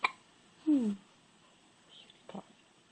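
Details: Hiccups: short, sharp, voiced catches in a quiet room.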